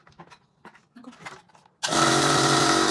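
Scattered handling clatter, then a steady loud motor buzz as a nebulizer compressor starts and runs.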